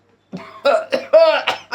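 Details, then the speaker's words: Acted persistent cough of a grandfather whose cough won't stop, in a comedy sketch: a few rough, voiced cough bursts in quick succession; simulated cough. "अच्छा अ दादा जी यार आपकी खांसी तो रुक ही नहीं रही यार।"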